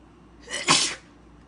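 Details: Sneezing from a Black woman who mentions allergies: a single hissing sneeze, a short in-breath then a forceful burst of air, over faint room noise.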